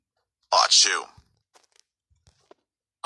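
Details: Sneeze from a sneeze compilation: one loud, explosive sneeze with a brief voiced "choo," followed by faint clicks and quiet.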